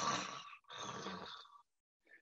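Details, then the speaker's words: Adult vocally imitating oral (oropharyngeal) snoring, two harsh rattling snores, produced as the tongue falls back and soft tissue at the back of the oropharynx collapses and vibrates, as in obstructive sleep apnea; contrasted with nasal snoring. "sounds completely different than the nasal snoring i just shared with you so when the collapse happens in the back of the oral pharynx and the tongue is falling back and it's collapsing against that soft tissue vibrating just like what i did right now for you that's making the snoring sound"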